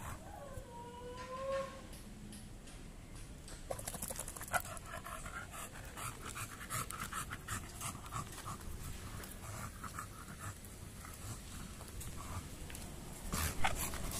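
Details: Overweight bulldog, walked at midday, pants heavily and rapidly with steady rhythmic breaths after a brief squeaky chirp; exercise-induced panting showing poor stamina.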